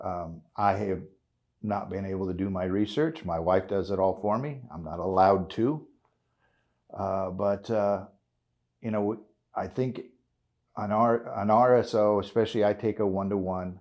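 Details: 56-year-old man with essential tremor, which he calls a kind of Parkinson's, causing voice tremor, involuntary body jerks and hand and foot tremors; he is a cannabis-oil (RSO) patient; voice tremor (essential tremor).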